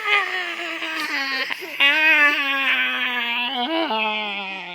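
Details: Baby girl, in a clip where she laughs, hiccups and bites and is chewing on her father's hand, makes a sustained whiny cry with gradually falling pitch and brief breaks: infant fussing cry.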